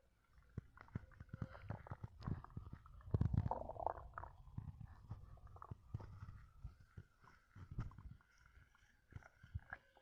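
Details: Stomach gurgles while chugging Coke: irregular low gurgles and rumbles with brief gassy bubbling, faint swallowing sounds and burps; borborygmi (bowel sounds).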